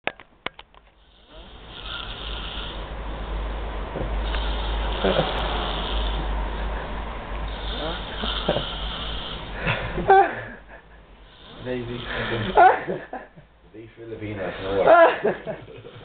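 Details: Man deliberately demonstrating very loud snoring while awake: long, loud, rough snoring breaths with snorting, sputtering sounds.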